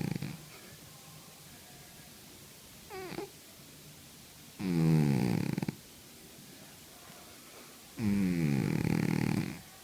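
A sleeping cat makes a few loud, rattling, drawn-out breaths against a quiet room: snoring.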